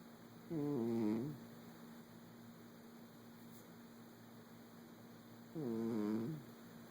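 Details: A sleeping cat named Woobie gives two drawn-out, tonal snores about five seconds apart over a steady background hum; snoring.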